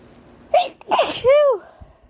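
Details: A normal sneeze after much hitching: two quick inward catches, then a single explosive sneeze with a rising, falling voiced 'choo'.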